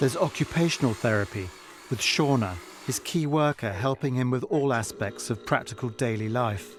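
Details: Adult male narrator; normal speech.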